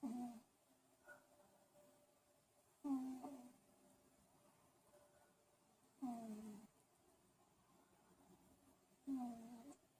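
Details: A sleeping cat makes four slow, rattling snores at regular spacing, roughly 19 a minute, in a quiet room, after a day of catching frogs; ordinary snoring.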